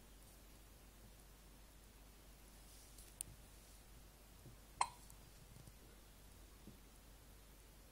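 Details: Hiccups while mesmerised by a light: two brief, sharp hiccup clicks in a quiet room, the second louder.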